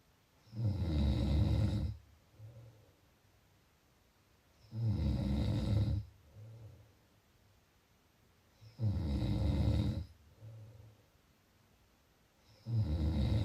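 Loud rumbling snores on each breath in, about 15 breaths a minute, with quieter breaths out between.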